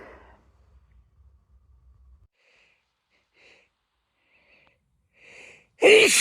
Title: late summer compilation of (f) sneezing